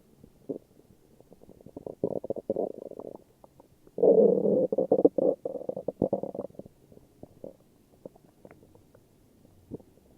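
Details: Morning stomach growls: low, bubbling gurgles and rumbling runs from the belly, rising and fading over several seconds; ordinary borborygmi.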